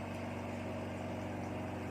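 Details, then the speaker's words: Oxygen concentrator rated 0 to 5 L/min, with the oxygen button pressed and the blue light on, showing it is working. Steady low motor hum and constant mechanical drone: oxygen concentrator running normally. "एकदां हें जालें की just you have to press oxygen button here. सो हांगा blue light पेटतली. It means that it is working."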